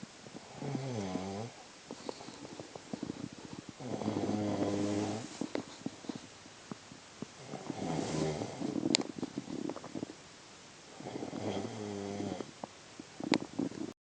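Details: A boyfriend snoring: loud, rattling, low-pitched snores on each in-breath, about three in 14 seconds, with quieter breathing noise between them.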